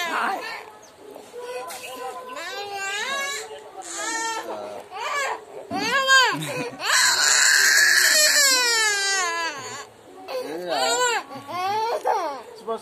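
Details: Child crying: loud, sobbing wails with short whimpers and gasping pauses between them, in a small room.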